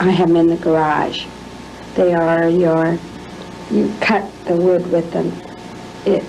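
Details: Teaching clip shown in a lecture on Alzheimer disease to illustrate anomia: the speaker fails to retrieve the name of a familiar tool; anomia.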